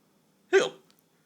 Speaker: Daddy's got the hiccups.